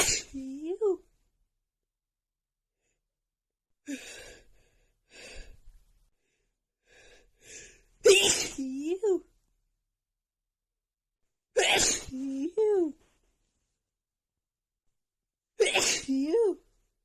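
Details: Woman's uncontrollable sneezing fit attributed to pollen allergy: repeated sharp sneezes, each followed by a voiced groan, with quick breaths between.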